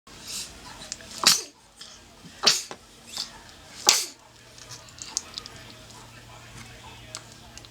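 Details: Newborn sneezing: three short, sharp sneezes in quick succession, then quiet room noise.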